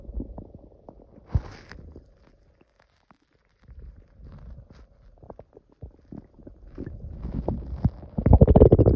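Low gurgling and rumbling bursts, irregular and growing louder toward the end, typical of stomach growling, a normal sound of gut movement.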